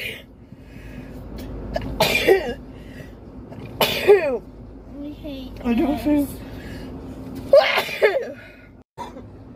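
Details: Nasal swab COVID-19 tests in girls, from a compilation: several sudden, uncontrollable reflex sneezes in quick succession with brief voice sounds between them, set off by the swab.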